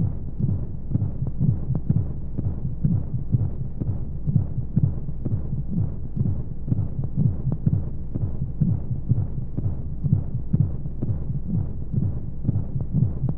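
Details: Womb-sound sleep aid for babies: steady low muffled thumps, about 125 a minute, over a soft whooshing flow hum, as heard from inside the womb; heartbeat.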